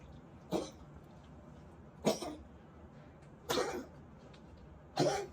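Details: Pet with tracheal collapse (tracheomalacia); four separate harsh, dry coughs.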